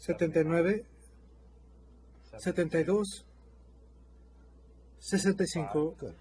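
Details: Adult man speaking Spanish; normal speech (serial sevens counting).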